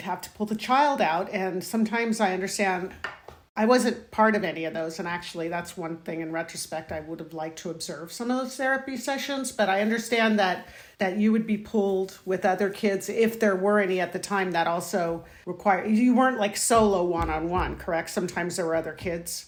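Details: Adult woman speaking; no speech disorder.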